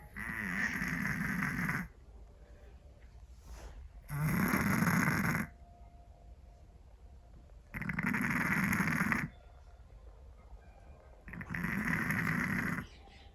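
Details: Scottish Fold cat snoring loudly: harsh rattling snores on each breath in, about four in 13 seconds, with quiet breathing between; snoring.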